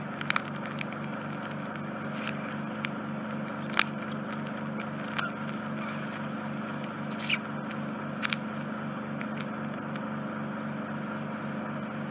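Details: Endoscopic suction of smelly, slightly infected right ear canal in a GP-referred man with occluding dead skin and debris near the eardrum: continuous suction hiss and hum with intermittent crackling and slurping as debris is drawn out.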